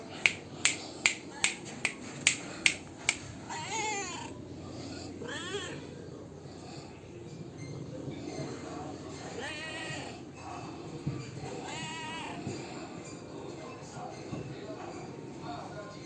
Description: A cute kitten named Kasshh was attacked by hiccups. 😍